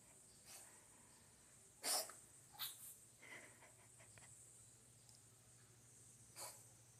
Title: 끝없이 재채기하는 고양이 Endless sneezing cat